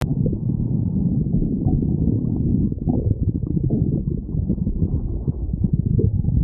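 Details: Stomach growling (borborygmi): continuous low rumbling and gurgling from the belly, gas and fluid moving through the gut.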